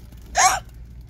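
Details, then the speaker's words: A single short, abrupt voiced hic with sharp onset from an adult shopping in a store, who reports recurrent hiccups for about five years, likening them to Tourette syndrome; faint room noise; hiccup. "I've been getting the hiccups consistently for the past several years maybe like five night yes years yes it's like as if it's Tourette Syndrome but the hiccups that makes any sense"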